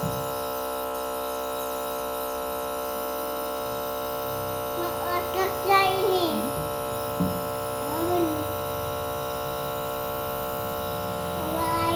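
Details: 2-year-old with a cough receiving nebulizer (steam inhalation) treatment; steady mechanical compressor motor hum throughout, with brief toddler vocal sounds.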